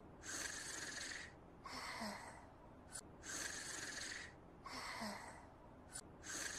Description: I have a hard time sleeping through my Umaru's snoring